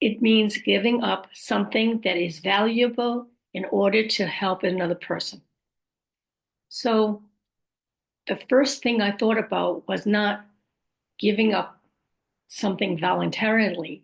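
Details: Adult woman with post-stroke aphasia, apraxia of speech and dysarthria, stroke about 5.5 years earlier; she says her speech can sometimes be hard to understand.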